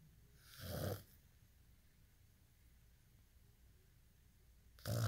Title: day in life snoring asmr sound 243